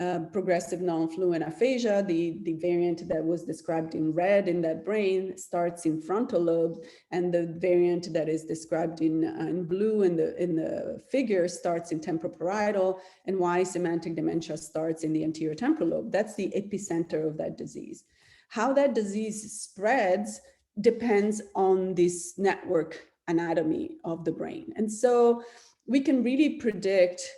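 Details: Adult speaker, lecture; normal speech.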